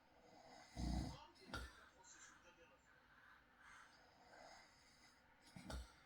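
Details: Real night recording of an adult man asleep: quiet room with two short low snorting snores and soft breathing between. Snoring.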